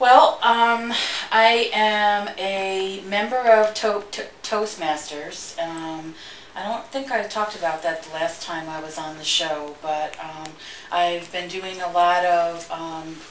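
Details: Adult woman who stutters and works in a school; stuttering.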